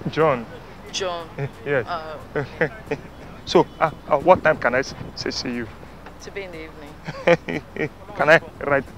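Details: Stuttering acted by a man playing a stammerer in a street prank; not a genuine disorder.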